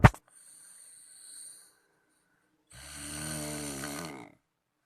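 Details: Sleeping friend's snoring that kept someone awake: a soft hiss, a pause, then a loud, low, buzzing in-breath vibration lasting over a second.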